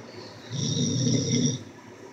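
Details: Person snoring while asleep: a single loud, low, rumbling snore lasting about a second.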